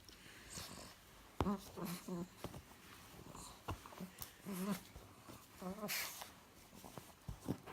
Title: Snoring Pug